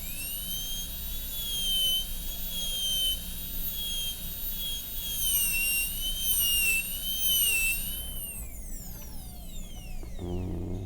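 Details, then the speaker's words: High-speed dental handpiece shaping the occlusal outline and margins of an MOD amalgam preparation on tooth 29 of an Acadental typodont in a teaching demo: steady high-pitched whine wavering as the bur cuts, then winding down. "And then we're going to cut straight in. Okay, so we're pretty close to 90 there."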